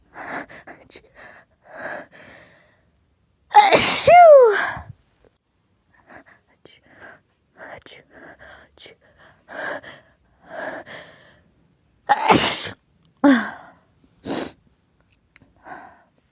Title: "Achoo" build-ups & sneezes (f)